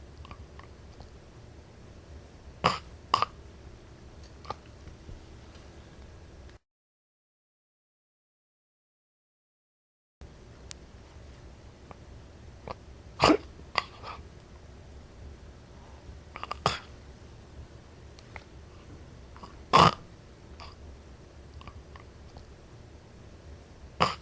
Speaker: but basically notice how this gasping noise right is associated with this agonal breathing and is not associated with real breathing but this like fake breathing